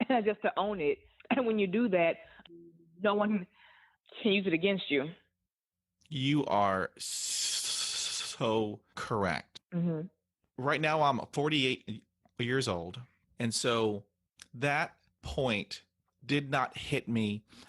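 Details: Adult woman who stutters, interviewed on a stuttering podcast, reporting stuttering hindered her job search and interviews; stuttering.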